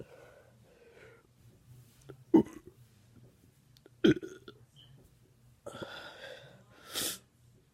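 Two short, abrupt throaty bursts a couple of seconds apart, with quiet room noise between; voluntary burps.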